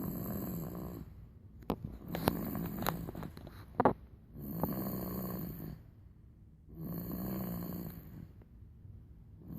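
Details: 3-month-old infant snoring: soft, regular snores on each breath, roughly every three seconds, about 20 breaths a minute, in a quiet room.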